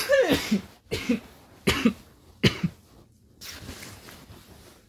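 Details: Four sharp, explosive bursts about a second apart, each with a short voiced tail, then quiet room noise; a run of coughs.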